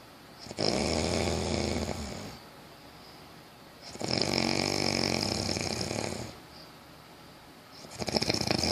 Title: Snores of the one I luv